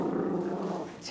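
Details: Small rescue dog that compulsively chases and bites its tail, hard enough to make it bleed. A low, rough, sustained growl during the tail chasing and biting.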